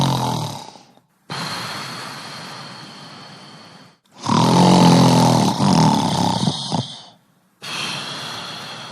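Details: Loud, harsh, rattling snores in long breaths, broken by brief silences; heavy snoring.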